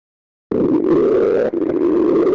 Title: My human self stomach growling